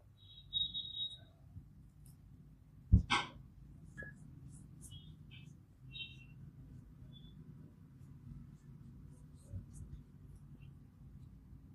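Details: Neck and finger joint cracking during an ASMR massage: a single sharp crack, then a few faint clicks over quiet room noise.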